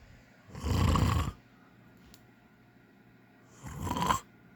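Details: Adult father snoring in sleep: two loud, rough, low snores on breathing in, separated by a quiet pause.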